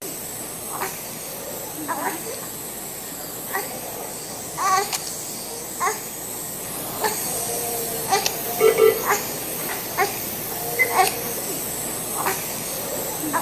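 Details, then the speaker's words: Expiratory grunting, forced expiration against a partially closed glottis in an acutely ill child, indicating lung parenchymal disease such as pneumonia. "Grunting. It's forced expression against a partially closed glottis. It's a problem of the lung parenchyma like pneumonia."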